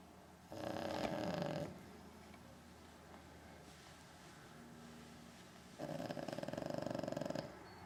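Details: Ordinary snoring from someone sleeping who would not wake: two long, buzzing, rattling snores separated by a quiet pause, over low room noise.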